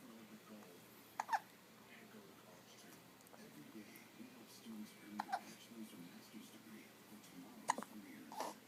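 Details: Recurrent hiccups in a boy who has them again: brief, sharp, involuntary catches of breath a few seconds apart, with quiet room sound between them.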